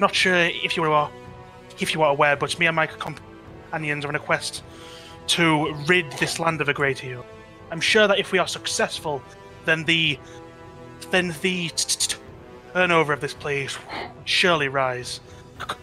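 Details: Stuttering in a man with a natural stutter (speech impediment) that he says usually clears up after about half an hour of roleplaying; it may sound like audio cutting out.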